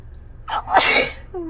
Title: Friday sneeze